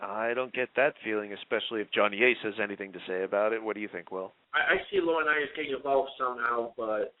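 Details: Adult male speakers, radio-style talk; normal speech.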